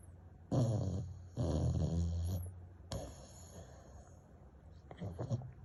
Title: snoring bullmastiff puppy